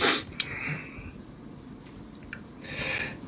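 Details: A sharp, hissing sneeze burst followed by a softer, breathy burst near the end, over steady room noise; sneezing.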